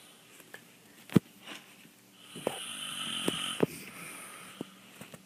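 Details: A sleeping father, taped without knowing, snores irregularly with rattling, snorting breaths about 24 a minute over faint room noise.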